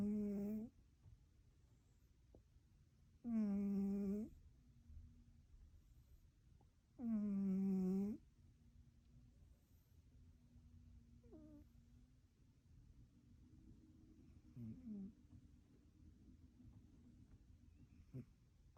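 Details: One-eared cat snoring loudly and rhythmically, three strong buzzing snores before quieting to soft breathing.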